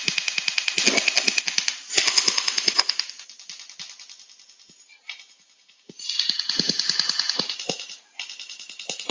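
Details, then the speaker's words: AOT CARLO handheld laser osteotome cutting a line into a jawbone model: a system beep, then rapid, sharp crackling pops in bursts, the tiny micro-explosions that create the cut line. "you will hear that it will start cutting by the by a beep of the system but then clearly you will hear the tiny micro explosions that i've been talking about that will create the cut line"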